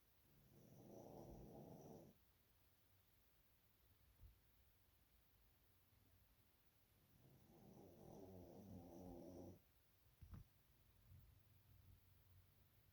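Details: Dog asleep and dreaming on a lazy afternoon, giving two soft, low rumbling snores about seven seconds apart in a quiet room, with a faint click after the second; snoring.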